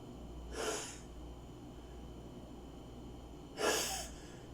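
Two sharp, explosive bursts of air about three seconds apart, heard as two sneezes against a quiet room hum.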